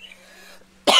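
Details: Quiet room hum, then one abrupt, harsh adult cough cut off at the end; the speaker mentions sounding wheezy, hot weather affecting his lungs and chest.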